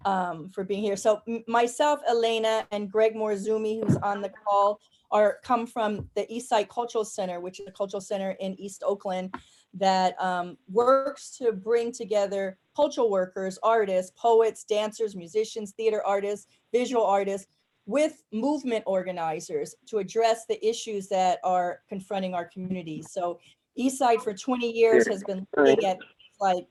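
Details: Adult woman speaking; normal speech.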